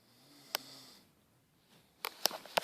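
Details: A soldier snoring loudly in barracks, recorded from a far distance: one low buzzing snore lasting about a second, then quiet and several sharp clicks or snorts in a small room.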